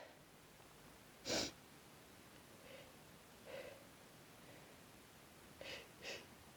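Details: Exhausted person with a cold, sneezes harsher than usual and hurting the throat: one strong explosive sneeze, then softer sniffs and two smaller sneezes.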